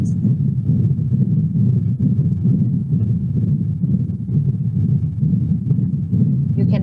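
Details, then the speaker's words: Continuous washing-machine-like machinery murmur of patent ductus arteriosus, a congenital defect, in a young animal with an enlarged heart, played in a veterinary lecture. "this is the congenital disease most common congenital disease is going to be patent doctor substitutes and if you get that they will sound like this"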